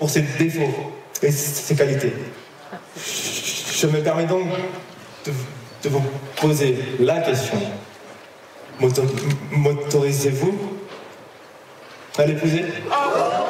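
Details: 25-year-old man who has stuttered since age 4, self-described as fairly severe, worse with stress, fatigue and in front of others; stuttering.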